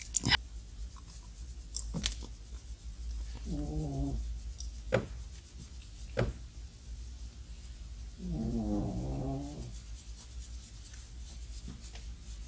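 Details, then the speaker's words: Pet dog snoring while asleep indoors: two slow, low rumbling snores with sharp clicks and household noise between them; snoring. "Si vous entendez mon chien qui ronfle, vous l'entendez? Lenny, il est en train de ronfler."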